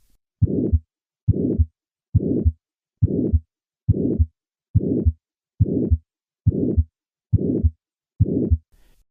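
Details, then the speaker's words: Regular heartbeat near 70 a minute with a harsh systolic ejection murmur that builds and peaks late, unlike an early-peaking innocent murmur, from turbulent flow across a stenotic aortic valve: aortic stenosis murmur. "This systolic ejection murmur reflects turbulent flow across the stenotic aortic valve. In contrast to an innocent murmur, this murmur peaks late incally. Notice the late peaking of this murmur."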